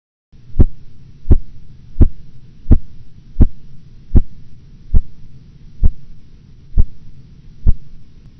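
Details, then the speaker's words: Blood pressure measurement, Korotkoff phases 3 and 4: ten regular, soft tapping sounds at about 86 per minute, becoming muffled as cuff pressure nears diastolic, usually within 10 mmHg of true diastolic pressure. "Phase 3 and 4 sounds are muted changes in the tapping sounds that occur as the pressure measurement approaches the diastolic pressure, usually within 10 millimeters of mercury of true diastolic pressure."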